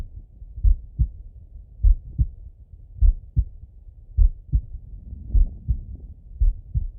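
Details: Normal heart sounds auscultated with a stethoscope in a relaxed person lying in bed: slow, steady lub-dub at about 52 beats a minute.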